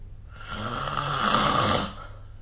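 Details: Single loud, rough snore lasting about 1.5 seconds from a sleeping adult, recorded with the SnoreLab snoring app; snoring.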